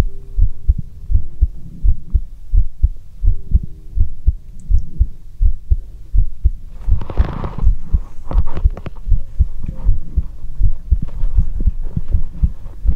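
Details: ASMR heartbeat heard through a stethoscope: steady, regular low thumps at about 80 beats a minute, with faint humming tones early on; a normal heartbeat.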